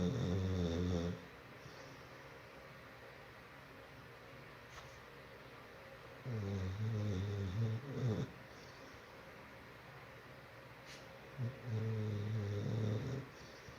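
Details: Pitbull dog snoring loudly: deep, rattling snores in a few separate runs with quiet pauses between.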